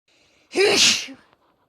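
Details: Single sneeze, possibly from a female: a short inward breath, then one loud, explosive burst of air.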